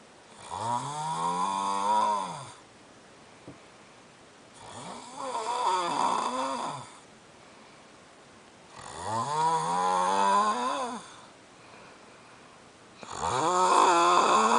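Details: Loud snoring that keeps someone awake: droning, voiced snores on each breath in, about 15 a minute, with quiet breathing out between.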